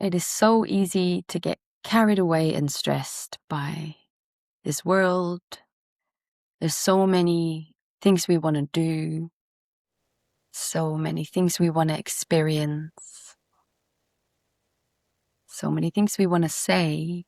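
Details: Adult woman speaking; normal speech.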